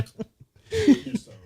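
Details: A short, odd-sounding sneeze from an adult man during a drinking podcast: a forceful burst of air with a brief squeaky voiced tone.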